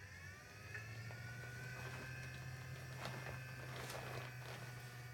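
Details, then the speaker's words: Hill-Rom airway clearance vest machine starting up for a primary ciliary dyskinesia patient: steady low motor hum and faint whir as the vest inflates and begins squeezing vibrations, before a nebulizer treatment; airway clearance vest running. "I don't know if you can tell the best is kind of popped up now and now you can see the vibrations so it's like squeezing which of course makes it really easy to breathe how doing this"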